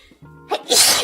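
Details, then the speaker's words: Female streamer, apologising for repeated sneezing: a brief intake of breath, then a single sharp, hissing sneeze burst, with music playing in the background; sneeze. "i'm sorry i keep sneezing"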